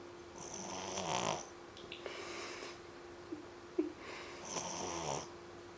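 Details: 3-month-old puppy asleep after a long day playing at the beach: soft, regular snoring, two rattly breaths about four seconds apart, over a steady background hum.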